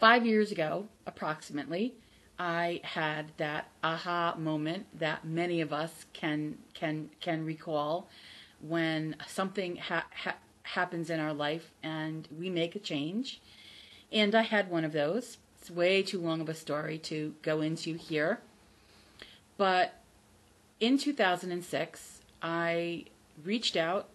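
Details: Adult woman who stutters, formerly a covert stutterer, not recovered from stuttering and says her stutter is audible; stuttering.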